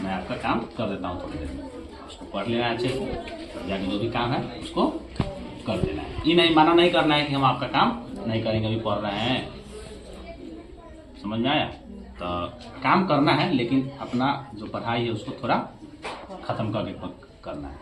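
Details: Adult man speaking Hindi; normal speech.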